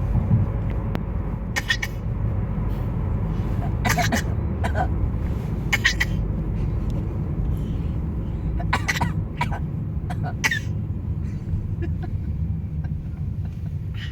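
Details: A baby in a car imitates his father's coughing as they take turns making short, deliberate voluntary coughs over steady car rumble, in play.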